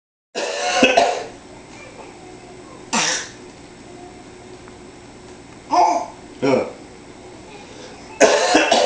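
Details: A young child makes several short cough-like bursts and throat-clearing noises, having learned to imitate coughing, with quiet room noise between: imitated cough.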